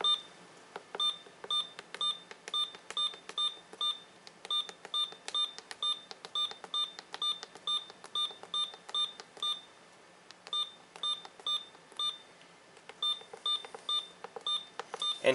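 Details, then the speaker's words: Rapid short electronic beeps, about two a second, one per single key press on a Hospira Alaris infusion pump PC unit during keypad test in preventive maintenance software; infusion pump keypad beeps. "And at this point it's going to ask me to actually hit every key on the PC unit. And you only want to hit it once now."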